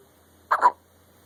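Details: Hiccups in a child after eating: one short, sharp double-pulsed hiccup sound against a quiet background.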